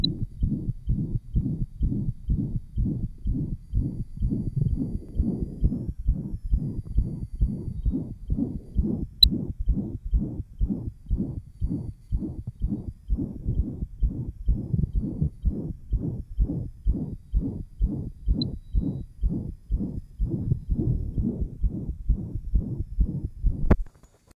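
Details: 1955 Johns Hopkins heart sound laboratory recording, with site uncertain among aortic, pulmonic, lower left sternal border and apex: murmur of interventricular septal defect, possible persistent ductus arteriosus.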